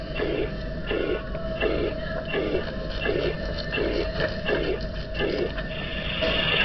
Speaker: Next, we have mitral regurgitation. The pressure gradient between the left ventricle and left atrium remains relatively constant throughout systole, resulting in a uniform or holosystolic shape.